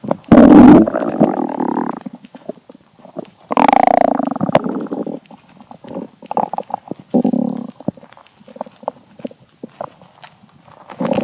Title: Hungry Empty Stomach Rumbling Part 3 (22/10/2015)